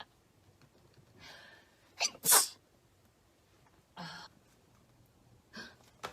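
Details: Several quick, sharp sneezes with soft breaths between them over quiet room noise, from a K-pop idol in a sneezing compilation.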